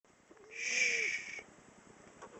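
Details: Sleeping cat snoring while lying on a couch: a single high, whistling, wheezy snore on one breath.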